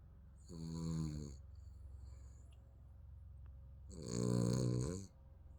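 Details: A sleeping baby snoring, two slow drawn-out buzzing snores on the in-breath about three seconds apart, with quiet breathing between; ordinary infant snoring during sleep.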